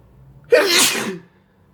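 One sharp, forceful sneeze: a sudden burst of air, then a short wet, snuffly tail as it fades.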